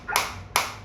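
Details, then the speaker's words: Focused shockwave therapy applicator firing as intensity is raised to near maximum (level 13) and frequency automatically drops: two sharp snapping clicks about half a second apart. "अभी मैं इसको stop करूंगा। तो आपको मैं उम्मीद करता हूं कि एक बार फिर से मैं बता देता हूं कि जैसे ही मैंने इंटेंसिटी को मैक्सिमम और किया तो फ्रीक्वेंसी अपने आप डिक्रीज हो गई उसके आउटपुट"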